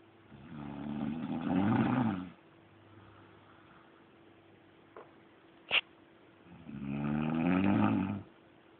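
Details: Snoring: two long, rattling, low-pitched snores on the in-breath, with a quiet pause and a brief click between them, in a quiet room.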